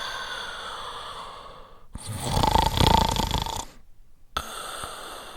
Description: A man snores sleeping sound effect